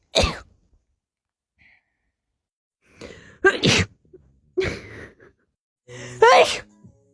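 Four sharp explosive sneezes, several preceded by a short drawn-in breath; rapid repeated sneezing.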